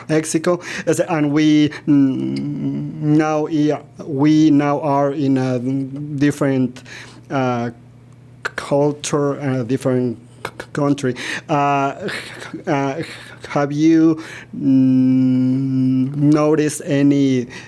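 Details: Stuttering in a man in his 40s, born in Mexico and living in Texas; he noticed it around age five or six, his father also stutters, and he believes it runs in the family.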